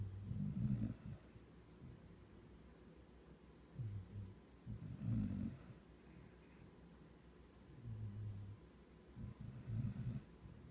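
Soft, low, rumbling snores with quiet gaps between them, about 14 breaths a minute; snoring in a sleeping dog.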